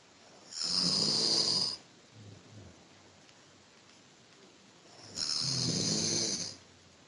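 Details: Sleeping person snoring, with two long, rough, hissing snoring breaths about four seconds apart and quiet between them.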